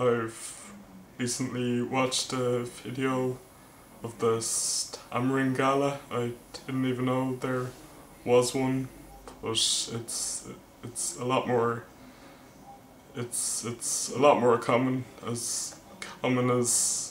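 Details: Male vlogger who stammers, speech with word repetitions; stuttering.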